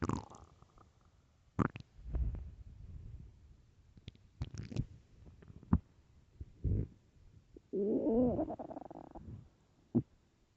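Irregular gurgles, squelches and a long rumbling growl from an empty stomach; ordinary hunger bowel sounds.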